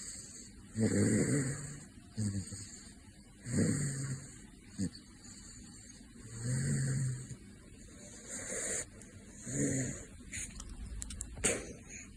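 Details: Caracal snoring; rough, low rattling breath sounds repeating about 22 times a minute, somewhat irregular, with a steady background hum.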